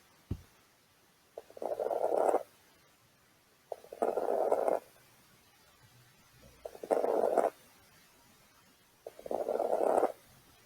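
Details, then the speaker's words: Teaching recording of fine crackles, most common at the lung bases, from mid to late inspiration and unchanged by cough, like velcro opening. Four breaths, each with brief crackly noise through inspiration. "é mais comum ao final da inspiração do meio pro final né como tá aí na tabela não vai se modificar com a tosse"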